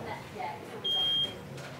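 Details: Intensive care unit bedside monitor showing blood oxygen and a pulse of 78; a lead may have come off. A single sustained high-pitched electronic beep over quiet room noise: a patient monitor alarm.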